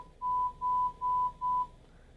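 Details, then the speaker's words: Hearing exam of a young female patient in a booth: four short, steady, high pure-tone audiometer beeps at 1000 Hz in a threshold search, down 10 dB and up 5 dB steps; threshold 0 dBHL. "So I present the tone. She didn't respond, so I go up 5 decibels, and I present again. And she did respond."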